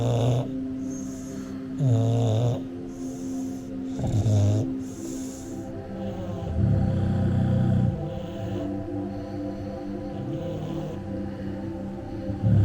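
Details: Bulldog falling asleep: loud, low, rattling snores recurring every couple of seconds over steady background noise; snoring.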